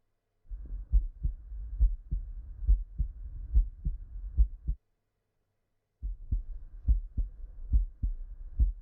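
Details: Heart sounds on stethoscope auscultation during a cardiovascular physical examination: regular low thumping heartbeats at about 70 a minute, with a brief silent gap.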